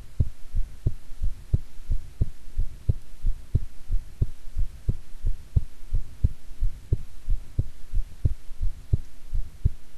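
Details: Own heartbeat recorded at length: steady low thumps, about 90 beats a minute, faint background hum, with stomach growling from digesting an Atka mackerel set meal; normal heartbeat.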